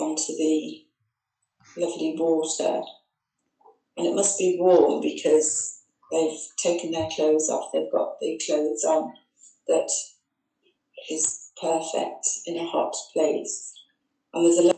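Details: Woman with primary progressive aphasia describing a beach scene picture, circumlocuting fluently when unable to retrieve target words; anomia with circumlocution (primary progressive aphasia).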